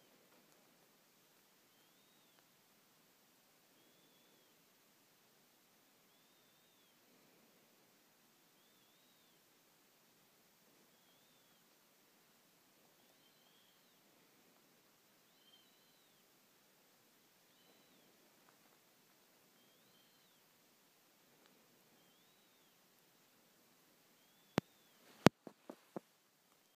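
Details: Wheezing during sleep: faint high whistles repeat with soft breaths, a wheeze from narrowed airways.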